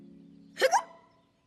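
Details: Single sharp voiced hiccup-like catch rising from a soft hum then fading; acted hiccups voiced for cartoon character Winnie the Pooh, not a real patient.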